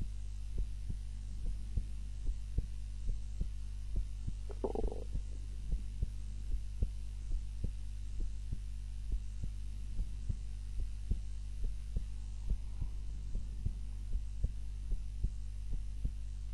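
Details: Own heart sounds recorded on a timer while napping, lying on the back (supine) rather than the usual face-down position: soft, regular heartbeats, roughly 70 a minute, under a steady low hum; normal heart sounds.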